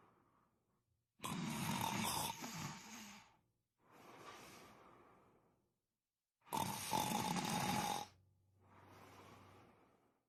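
Loud rattling inhaled snores alternating with softer exhalations, about six breaths a minute; ordinary snoring.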